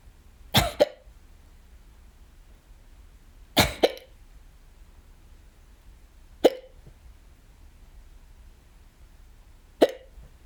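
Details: Hiccups, audio only, from a person alone at home who had several bouts that day, this the first: four sharp, sudden hiccups at irregular intervals, some with a quick double catch, in a quiet room.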